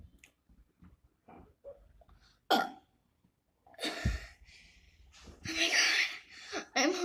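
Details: Deliberate burping during a 5-minute burping challenge: several low, gurgling voiced burps with short gaps, the longest and loudest near the end; she says she is horrible at burping.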